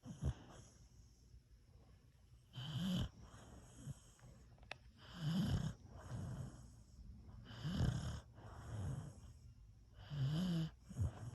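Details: A beagle snores in a steady rhythm while sleeping pressed against his owner, with low rattling breaths about every two to three seconds; snoring.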